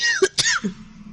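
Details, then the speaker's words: Adult podcast host coughing, describing a dry throat and needing water; cough. "Because you hear me coughing, isn't it? You Like, hear the. I want to cough so bad."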